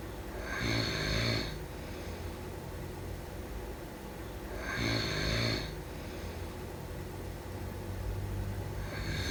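Rhythmic snores with a low rattle and a hissy edge, about 15 breaths a minute, over steady room hum; ordinary snoring.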